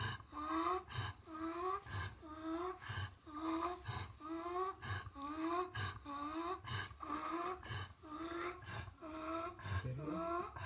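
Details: Rapid, noisy pet breathing with a whistling, squeaky tone on each breath and some rattle: wheezing.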